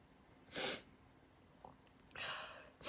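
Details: Girl sneezing: two forceful sneezes with a short catch of breath between them in a quiet room; sneezing.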